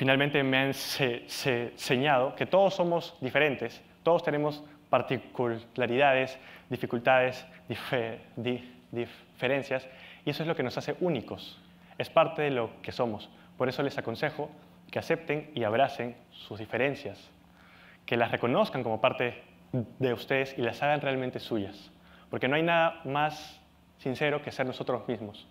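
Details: Adult Peruvian man speaking Spanish who has stuttered since age 4 and still stutters; persistent developmental stuttering.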